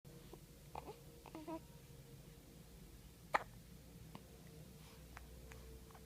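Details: Infant hiccups before a bath: in a quiet room, several brief, sharp catches of breath, one much louder, with a few soft voiced sounds.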